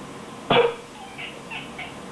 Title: I coughed, bon bon complained?